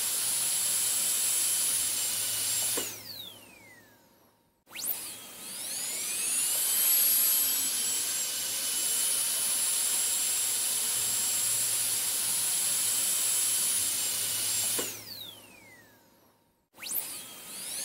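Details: High-pitched whine spins up, runs steadily, then winds down and stops, repeated: a dental drill switched on and off, in an ASMR sleep-sound recording.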